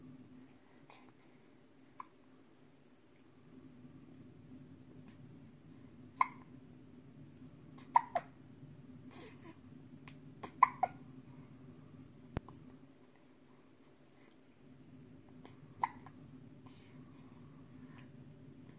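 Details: Soft, brief hiccup sounds at irregular intervals over a quiet room hum; infant hiccups, possibly slowing down, baby may still be hungry.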